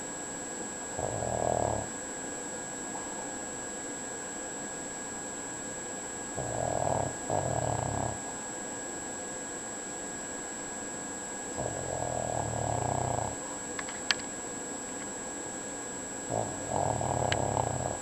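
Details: Female pug sleeping and snoring: rumbling, fluttery snores on about four breaths in 18 seconds, with a steady background hum.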